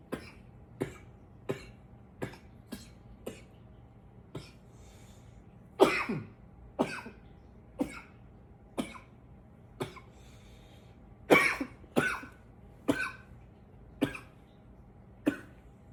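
About fifteen short, dry coughs in irregular bursts, some paired or louder, over sixteen seconds.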